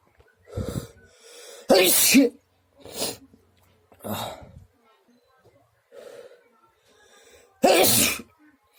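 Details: Several loud, explosive sneezes, some preceded by a sharp in-breath, with quieter gasps between, in a person whose nose has itched a lot since returning from swimming; sneezing.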